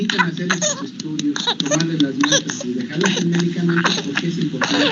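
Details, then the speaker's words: Audio of an infected child with pertussis (whooping cough), more pronounced in babies: a paroxysmal cough in rapid runs of short bursts with voiced, strained sounds between, a typical whooping cough attack. "para que puedan ver cómo es ese status paroxística o esta tos ferina que es más pronunciada en lo que son los bebés"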